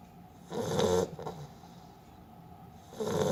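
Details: A sleeping Beagle's snore: a short fluttering rasp on the breath, a pause, then the next snore; ordinary dog snoring.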